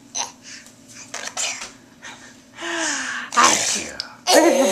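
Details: Young child's sneeze: a sharp, forceful burst after soft voices in a small room, while the child is being coaxed to walk.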